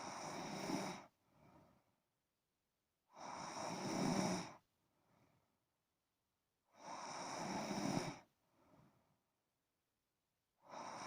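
Loud rattling snores on each breath in, with quieter breaths out, about 17 breaths a minute; snoring.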